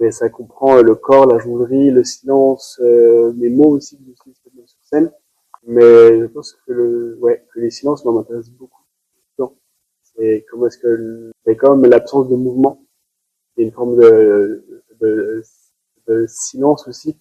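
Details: Adult male performer who has stuttered since about age 5, worsening in adolescence around 16. Stuttering.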